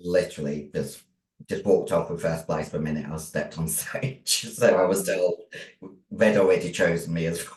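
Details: Adult female bodybuilder with androgen-induced voice deepening (virilization) after large doses of male steroids (performance-enhancing drugs). Her voice was formerly high-pitched and is now very deep, and she can no longer sing. She also has chronic kidney disease and past liver damage.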